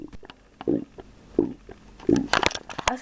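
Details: Girl voluntarily making her stomach rumble on purpose: three short gurgling rumbles with clicks and faint room noise; harmless, self-produced borborygmi.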